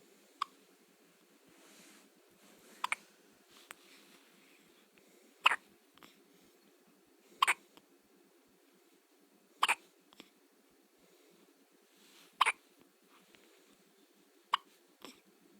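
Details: One-day-old Squeaker with hiccups: sharp, brief hiccup clicks about every two seconds, roughly eight in fifteen seconds, in a quiet room.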